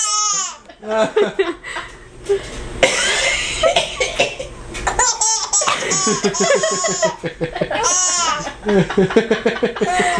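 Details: Several harsh, voluntary coughs from an adult uncle in a dim, small room, overlapped by bursts of high-pitched, breathy laughter from a baby boy.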